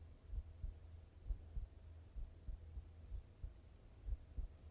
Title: 心音ASMR/heart sound